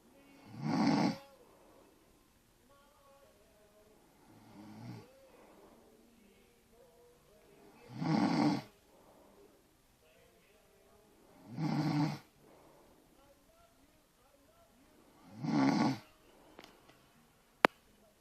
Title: Annoying snoring